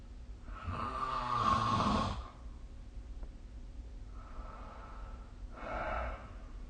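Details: Snoring during sleep recorded with the SnoreLab phone app: loud, rough, rattling breath sounds with a quieter breath between, typical snoring.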